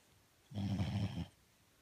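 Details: Dog snoring: a single low, rumbling snore under a second long in a quiet room.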